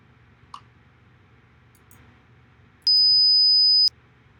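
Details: Student hearing test recording: a steady pure beep lasting about one second over quiet room noise; audiometry test tone.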